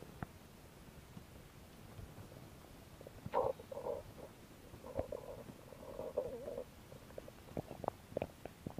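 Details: Belly noises recorded as no-talking ASMR: low gurgling rumbles and bubbling squeaks against soft background hiss; ordinary stomach growling, bowel sounds (borborygmi).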